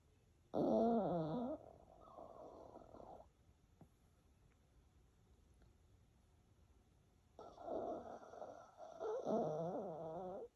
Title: Snoring Dog ( Mimi) 😄